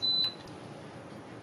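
A single short high-pitched electronic beep from an infusion pump confirming the infusion has started.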